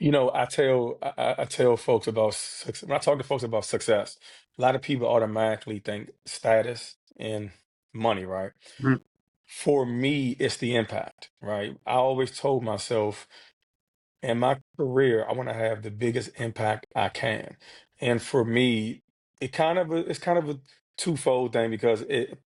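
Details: Stuttering in an adult man who has stuttered since childhood, speaking in a real podcast interview.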